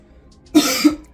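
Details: One short, forceful acted cough with a harsh throat-clearing quality, a fake cough with fake blood performed as a prank on a sister.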